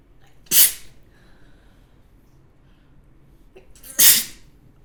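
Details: Two sharp, forceful sneezes about 3.5 seconds apart, each preceded by a faint intake of breath; a model repeatedly sneezing in a kitchen in a staged recording; sneezing.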